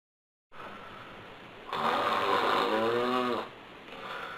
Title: How-to Cure-excessive-Snoring